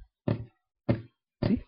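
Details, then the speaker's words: A gallop rhythm, with S3 and S4 heard together alongside S1 and S2, giving a galloping cadence; S4 comes from atrial contraction forcing the last blood through the AV valves. "when all these heart stones are there together it will here like this can you observe it's like galloping of your arsenal"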